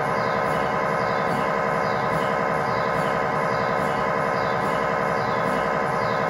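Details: Loud continuous buzzing drone with steady rhythmic pulsing inside the scan room during a tibia/fibula lower-leg MRI sequence with a GE high-definition lower-extremity coil (stated as 16 or 8 channel), test scan; normal MRI scanner noise.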